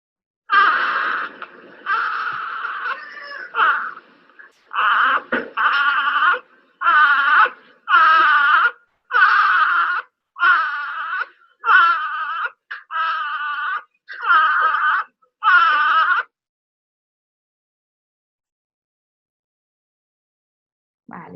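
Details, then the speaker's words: Short voiced grunt with each breath out, about 48 a minute, from an infant. Fluid-filled alveoli lead to partial glottic closure to raise end-expiratory pressure: expiratory grunting. "se hace más frecuente en los bebés más pequeños y lo hacen porque sus alveolos están llenos de líquido y lo que intentan hacer es compensar y aumentar su presión espiratorio al final de la espiración entonces hacen un cierre parcial de la glotis y hacen un quejido"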